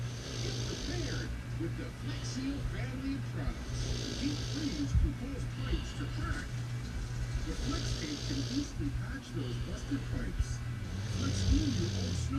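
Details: Low rumbling snores repeat roughly every three to four seconds during sleep, over a steady background hum; snoring.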